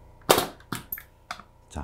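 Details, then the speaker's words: AIR JET II needle-free pneumatic injector firing into facial skin from the sideburn area in front of the ear for nasolabial-fold lifting: a sharp cap-gun pop, then clicks and handling, leaving a white nodule-like lump showing good delivery. "이렇게 쏘면, 자, 이렇게 한 샷이 들어가 있는데, 이렇게 하얗게, 노드처럼 럼프가 생겼죠? 여기 잘 들어갔다는, 이제, 표시고."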